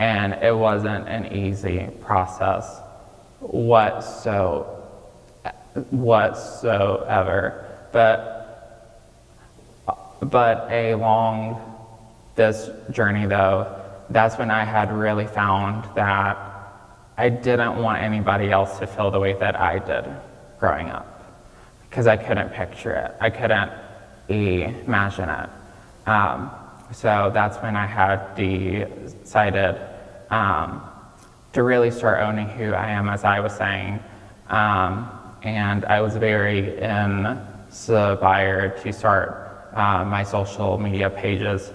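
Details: 26-year-old man with childhood apraxia of speech, diagnosed at age five, nonspeaking until age five, treated with speech therapy five times a week; childhood apraxia of speech persisting in adulthood.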